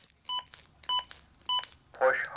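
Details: Three evenly spaced electronic two-tone beeps, then a short voice prompt, from a Zoll AED Plus fully automatic defibrillator: Real CPR Help feedback guiding chest compressions.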